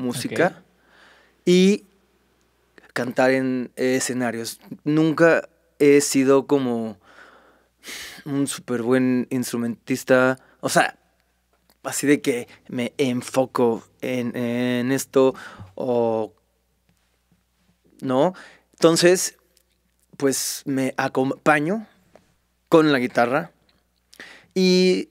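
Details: Mexican male singer who has stuttered since early childhood and says he does not stutter when singing; finding: stuttering.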